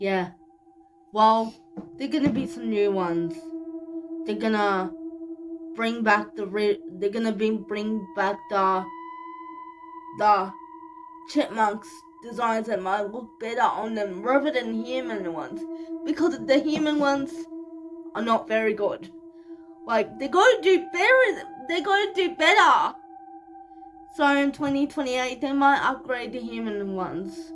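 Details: Speech in cerebral palsy, 25-year-old woman speaking in a vlog.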